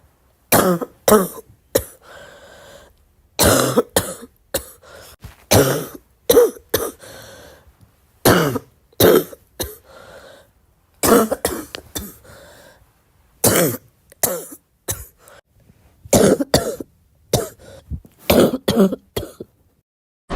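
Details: Girl coughing: frequent repeated coughs in short clusters of several bursts each, with brief pauses and some throat clearing between.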